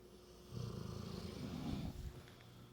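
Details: Snoring: one low, rattling inspiratory snore with quiet room noise around it.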